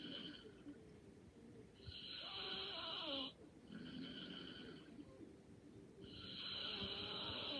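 Soft, whistling snores with each breath over quiet room noise; light snoring during sleep.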